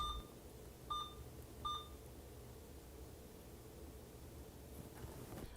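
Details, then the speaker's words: Electronic infusion pump in a nursing demonstration, started after the infusion rate is set: three short electronic beeps over quiet room hum; normal pump start beep. "press the power button to turn on the device and set the infusion rate to the required volume per hour and press start"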